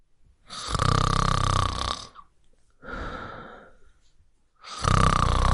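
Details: Loud, rough, rattling breath noises repeat in quick succession in a quiet room, a softer one between two louder ones: snoring.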